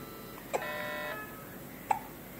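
Two short, sharp gulping sounds over a couple of seconds, with a faint tone between them; hiccups.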